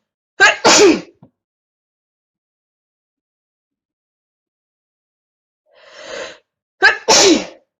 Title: attack of the sneezes